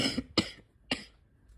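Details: Wet cough in adult with asthma, spring allergies and chronic bronchitis during a likely respiratory illness: three harsh, congested coughs with loose, rattly quality, a chesty cough.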